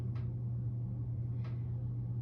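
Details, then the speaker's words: Stethoscope auscultation over the abdominal aorta of a male patient lying flat during an abdominal assessment: a steady low rumble with two faint taps and no swishing or whooshing, so no abdominal aortic bruit. "this patient doesn't have any switches or breweries it would be it wouldn't be very wealthy heady it could be stenosis partial occlusion or aneurysm of arteries"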